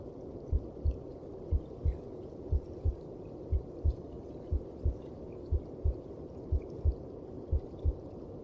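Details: Heartbeat as heard inside the mother's belly: steady paired low thumps at about 60 beats a minute over a soft rushing background.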